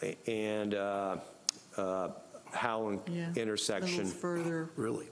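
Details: Adult man speaking; normal voice.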